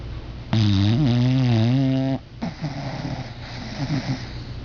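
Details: Angel, sleeping and apparently dreaming: a loud, drawn-out buzzing rattle on one breath, then a quieter fluttering breath; snoring.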